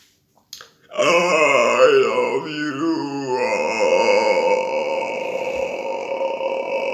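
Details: A long, loud, rumbling burp lasting several seconds with a wavering pitch, part of continuous burping for more than a minute; burping.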